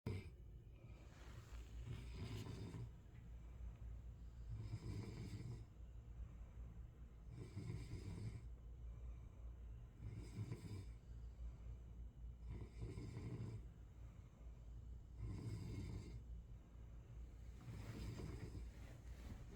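Low, rumbling breaths recurring about every two and a half seconds, roughly 22 a minute, over steady room noise: snoring.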